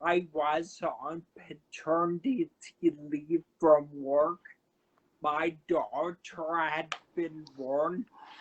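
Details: Man who had a cerebellar stroke at age 35 in September 2013, initially unable to talk, with a paralyzed vocal cord still affecting him and aphasia; dysarthria with dysphonia after stroke.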